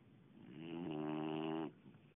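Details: Boxer dog snoring while asleep: one drawn-out, buzzing, tonal snore on a breath, rising then stopping abruptly.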